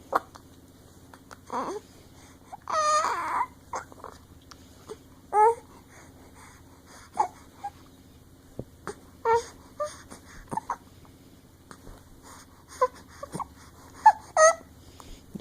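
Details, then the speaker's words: Baby boy with hiccups trying to cry: short whimpering cries and fussy sounds, broken by pauses and small catches in the breath; infant cry. "the baby starting to cry in the camera? You're trying to cry but you can't because you got the hiccups?"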